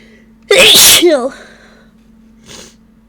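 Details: Person who suspects a ragweed allergy sneezing after sniffing a ragweed stalk and sneezing powder, with runny, itchy nose: one loud, explosive sneeze with a voiced tail, then a faint breathy sound over a low hum.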